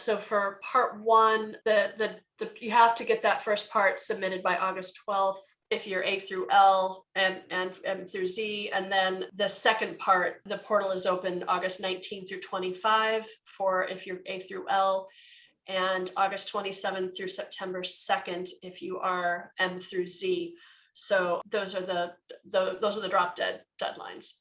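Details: Adult woman who says she is a person who stutters, with word repetitions; stuttering.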